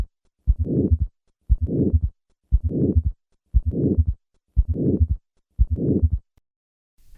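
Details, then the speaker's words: Aortic stenosis with third and fourth heart sounds, presented stepwise: S4 first, then S3 added, then the harsh systolic ejection murmur; regular rhythm near 59 a minute. "Listen to a patient with aortic stenosis and both a third and a fourth heart sound. I will begin with the fourth heart sound, then add the third sound, and finally the murmur."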